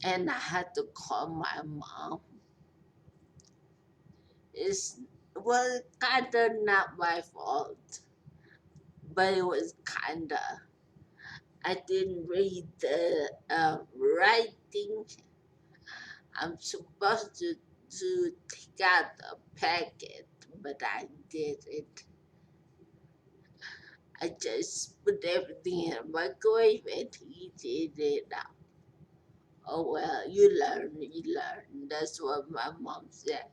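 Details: Post-stroke speech impairment in a 43-year-old woman after a major stroke with a long recovery.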